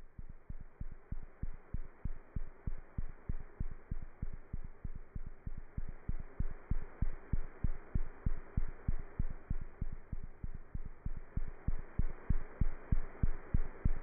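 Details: Fast, steady heartbeat of a cat, about 190 beats a minute, recorded through a stethoscope with a faint background hum; heart sounds.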